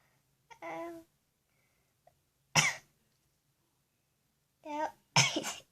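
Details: Nine-year-old child deliberately inducing sneezes with Vaseline-coated Q-tips in the nostrils: short voiced intake followed by sharp bursts of air, the last a strong double burst; ordinary sneezes.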